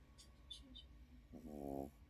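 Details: Sleeping small Pekingese dog, startled by its own snoring: a faint snuffling breath, then a short, rattly, buzzing snore over quiet room noise.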